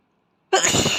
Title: Asian boy sneeze tickle by tissue